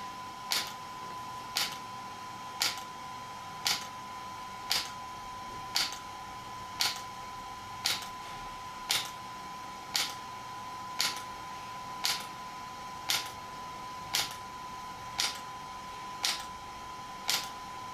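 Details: Sharp, evenly spaced snapping clicks at about one per second over a steady high whine, from an ESWT shock wave therapy device used on a patient for joint, muscle and bone pain relief.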